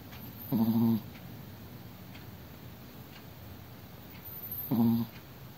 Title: チワワのいびき chihuahua’s snoring